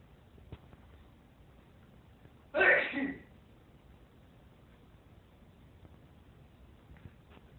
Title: Video ruined by sneeze